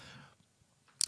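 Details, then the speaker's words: Adult man's knee popping as he extends it: a fading murmur of voice, then a single sharp joint pop. "oh my my knee just popped I don't know if that if the camera picked that up if you hear that that was my I extended my knee that was my knee popping"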